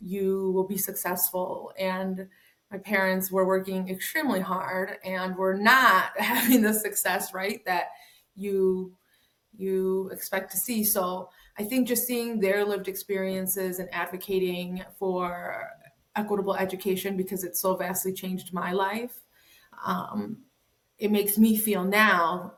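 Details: Adult woman speaking; normal speech.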